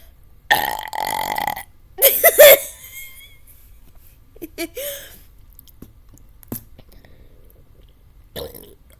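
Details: Burping after drinking Dr Pepper in a Dr Pepper challenge: one long, drawn-out burp, then a second loud burp and a few faint ones.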